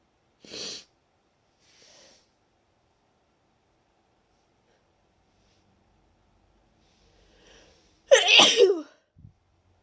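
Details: Deliberately induced sneezes after a long break from inducing, with the nose itchy and tickly: two sneezes, the second loud and wet with a drawn-out wind-up, separated by quiet sniffs and a long pause.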